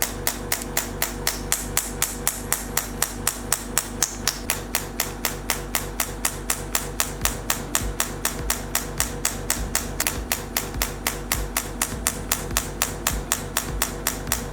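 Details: Radial shockwave therapy (ESWT) handpiece on a T8+ machine, head on gel-coated skin over the trapezius, worked in slow small circles: sharp regular clicking pulses, about four per second, over soft music.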